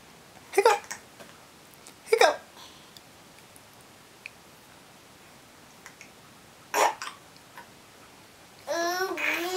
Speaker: do you like a cups hiccup hiccups are funny aren't they